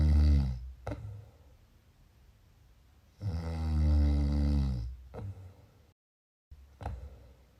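Loud, low rumbling snores on inhalation, separated by quiet pauses, about two snores in the span; ordinary snoring during sleep.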